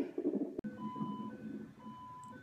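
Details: Steady electronic alarm tones over a low rumbling background: a monitor alarm during the fourth weekly non-stress test, done late in pregnancy for a baby diagnosed with low gestational birth weight.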